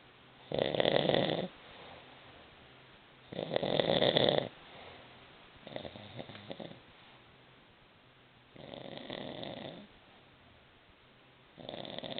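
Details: Grandmother snoring: loud, rough snores about every 3 seconds, five in 12 seconds, with quieter breaths out between, roughly 20 breaths a minute.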